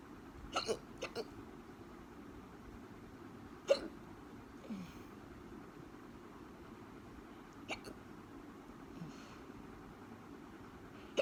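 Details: Brief, sharp hiccup catches repeating every few seconds over steady room noise; hiccups again.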